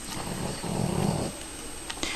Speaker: Now the pug's in the room, so you'll hear a load of snoring.